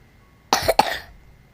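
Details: Cough from a person with an ongoing cough during a gaming session: two quick, harsh, fairly dry coughs in close succession, in a quiet room.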